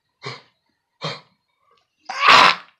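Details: Dog with kennel cough, now under treatment: two short dry coughs, then a louder harsh honking hack.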